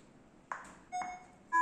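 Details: Short electronic beeps and tones from a defibrillator switching into AED mode, during a training demonstration in a quiet room; mode-change beep.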